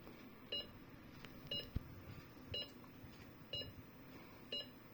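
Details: M3046A Viridia bedside patient monitor with M3001A module in demo mode with simulated data; regular short electronic beeps about once a second during an alarms test: patient monitor alarm.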